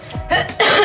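Two short, harsh acted cough bursts over background music.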